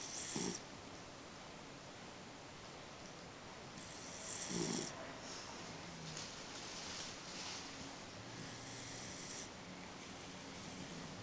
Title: Smokey snoring 2